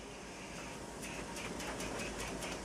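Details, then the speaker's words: Steady mechanical hiss and hum with faint rhythmic ticking as a wall suction regulator runs on continuous mode with a Yankauer (tonsil suction) attached; suction regulator running. "it makes some noise. You put your Yankauer on. You can hit that on your hand to hear it working."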